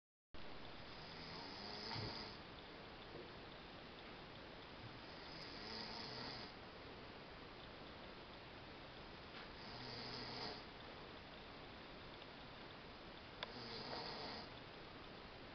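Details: Snoring in an overweight man: four soft, rasping snores at regular intervals, about 15 breaths a minute, over steady background hiss; ordinary snoring.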